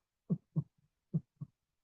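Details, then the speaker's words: Normal heart sounds demonstrated for comparison with S3 and S4: two clean lub-dub pairs, S1 and S2, with nothing extra before the first or after the second sound. "فاسمع كده يا شباب ده النورمال الصوت النورمال بتاعي كده"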